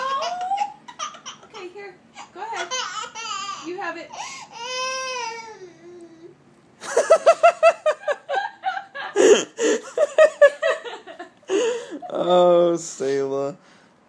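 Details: Baby girl crying after her cat toy is taken away: fussing that builds into loud, wailing cries with gasping breaths between them, ordinary upset infant crying.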